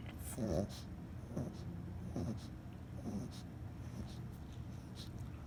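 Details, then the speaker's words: A cat, Oliver, gives a run of about six short, low hacking coughs with a choking-like, gagging quality; more in a row than usual; owners suspect a hairball, and he was not choking. "Well, this is like a cough. It sounds like he's choking. No, he's not choking."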